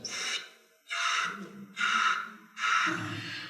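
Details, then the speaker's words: Imitation of a carotid bruit in the neck: four rhythmic whooshing sounds at about 70 a minute, representing turbulent flow past a blockage. Its loudness does not show how severe the narrowing is. "that's because the blood is flowing past a blockage. And so the flow becomes turbulent and you can hear a sound."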